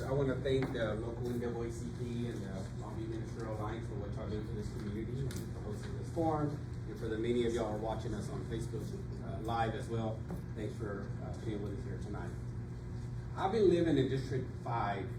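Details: Adult male speaker; no disorder.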